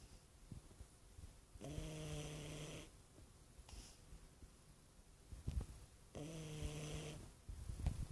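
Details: Low, rumbling snores roughly every 4 to 5 seconds with snuffly noise between them in a quiet room; snoring.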